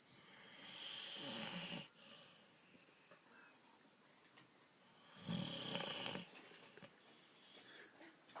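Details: Adult man snoring after too many beers: two loud, rattling snores about four seconds apart, with quiet room noise between them.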